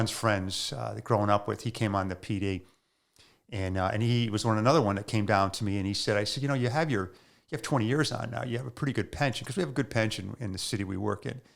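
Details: Adult man; ordinary speech.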